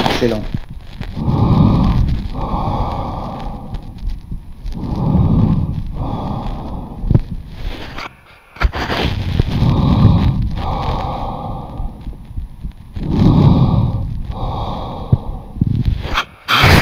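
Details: Steady, soft rushing breath sounds, about 16 breaths a minute, without wheeze or crackles, heard via SKOP stethoscope in a remote lung auscultation over Zoom; healthy male patient; normal breath sounds.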